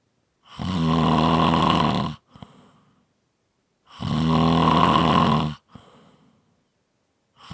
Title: 5 Minute Snoring Audio